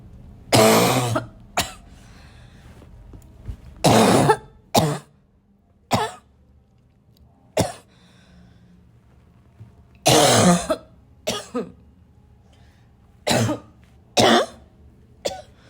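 Repeated loud, harsh barking coughs mixed with throat clearing, about eleven bursts in a continuing coughing fit.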